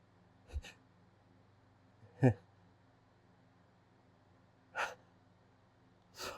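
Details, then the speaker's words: Adult male with a stuffy nose trying to sneeze: four brief, sharp, hitching catching breaths before a sneeze, over a steady low room hum. "I just want to sneeze."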